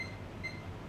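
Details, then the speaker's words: Faint repeating electronic beeps over steady room hum from an SK Medica SK 600 II (SK 602) infusion pump, signalling completion of a preset 10 ml infusion during an accuracy test: infusion completion alarm. "pump is noticing you that the completion of the infusion you press stop key okay to stop this infusion"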